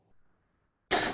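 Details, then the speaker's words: Single abrupt cough from a young child breathing 60 breaths per minute with oxygen saturation 98% on room air; bronchiolitis cough, probably RSV, with a nasal swab planned to confirm. "now we've got a kid that's breathing 60 breaths per minute and you know you go no I wonder if they need oxygen and that cough that's a bronchiolitis cough"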